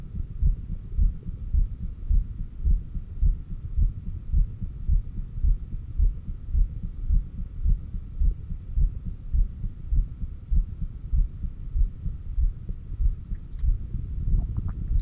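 Regular low thumping heartbeat at about 107 beats a minute with a faint steady hum behind it; normal heart sounds.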